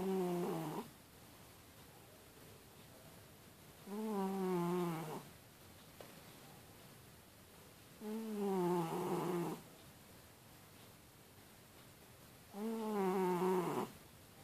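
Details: A sleeping cat snoring loudly, with four tonal, buzzing snores about every four seconds.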